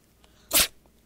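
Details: An orange tabby cat during a sneezing fit: one short, explosive burst of air through the nose, a single sneeze.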